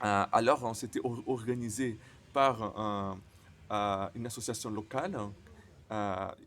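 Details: Stuttering in a man speaking French, who reports his stutter often involves silent blocks.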